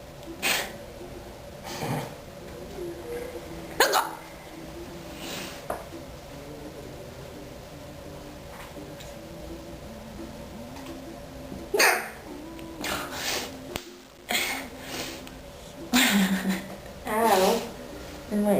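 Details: Hiccup attack: sharp, brief catching sounds recurring at irregular intervals over room noise; a bout of hiccups.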